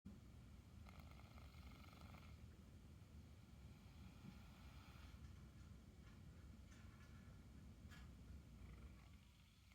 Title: Snoring pony, listen carefully.